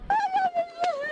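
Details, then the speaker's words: Infant crying on police dashcam after an officer turned the baby onto her stomach to relieve choking; high, tonal wail showing the airway is open and the baby is breathing. "Yes, there you go. Okay. He's crying."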